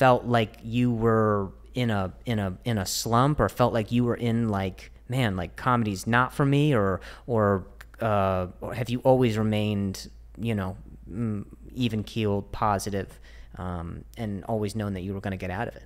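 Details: Stuttering in an adult host who is described as fighting through a stutter; speech shows repetitions.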